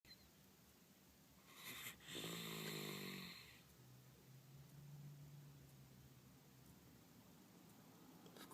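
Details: Snoring in a sleeping baby: a single rasping, fluttering snore on the in-breath, followed by a softer, lower snore in a quiet room.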